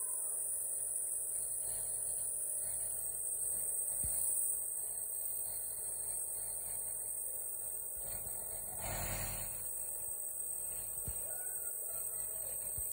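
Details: Nebuliser used for cough: the compressor runs with a steady mechanical hum and a high whine, with one brief rustling bump.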